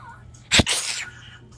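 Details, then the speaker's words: A child deliberately attempts the weirdest possible sneeze: one abrupt, hissing, exaggerated sneeze burst followed by a brief breathy exhale; a feigned sneeze. "so I'm gonna see how I can do the weirdest sneeze."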